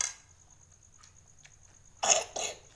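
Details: Two short, harsh coughs near the end after a quiet stretch with faint background sounds; the coughing person only wants to snack.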